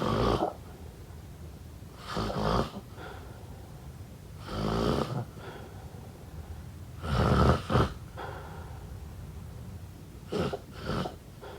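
Rough, rumbling snores recur every few seconds, some with a short snort, against quiet room noise.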